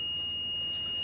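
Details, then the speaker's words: A steady high-pitched electronic tone; a Zoll R Series Plus defibrillator in AED advisory mode, having recognised ventricular fibrillation and charged, signalling ready to shock during a demonstration. "It's recognised VF, it's charged up, so just push the button."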